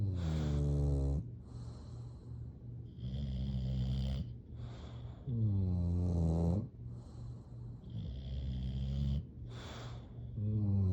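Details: Sleeping bulldog snoring: loud, low rattling snores on each in-breath, about 12 breaths a minute, with softer out-breaths between.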